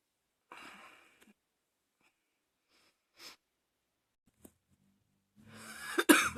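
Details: Never-ending cough, person saying can't stop: scattered short cough bursts with quiet gaps, ending in a loud harsh cough; a prolonged, uncontrollable coughing fit.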